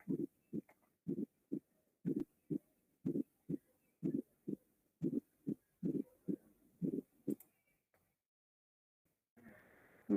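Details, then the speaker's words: Regular low heart sounds at about 60 a minute with an extra soft fourth sound just before the first, linked to a non-compliant hypertrophied ventricle: S4 atrial gallop. "se escucha en las estenosis de válvulas semilunar es también un tipo de infarto de miocardio y cuando el ventrículo es no complaciente como es un ventrículo hipertrofiado"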